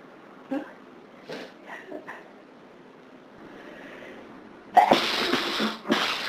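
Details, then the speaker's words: Soft sniffs and catching breaths build to two loud explosive sneezes during a severe hay fever day, amid a long run of sneezing; hay fever sneezing. "They're just pouring out of me now. You. Oh, God. Can't stop."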